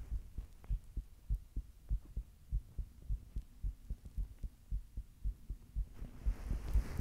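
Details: Person's own heartbeat: soft, rapid, low thumps in quick pairs at roughly 110–120 beats per minute, with some rubbing noise near the end.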